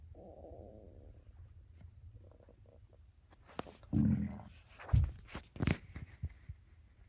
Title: 4 day weekend my stomach growling to early